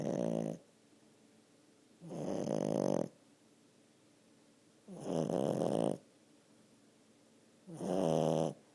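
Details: 10-month-old French bulldog asleep, snoring like a man: loud, rough rattling snores about every three seconds, around 20 breaths a minute.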